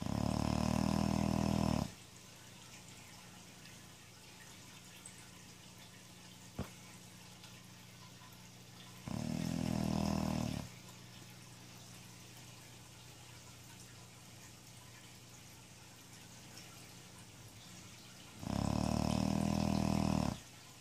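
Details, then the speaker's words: Boxer dog snoring while asleep: three loud, rumbling snores about eight seconds apart, roughly 7 to 8 a minute, with quiet stretches between. "You're a lazy dog. Lazy snoring puppy."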